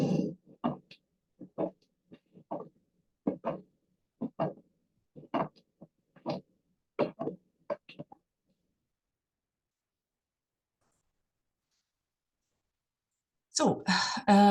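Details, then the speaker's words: Aortic regurgitation murmur: soft early diastolic murmur heard best at the third left intercostal space (Erb's point), played after normal heart sounds for comparison. "the typical murmur of atic regurgitation is a soft early diastolic murmur heard best in the third intra intercostal space on the left uh herbs point"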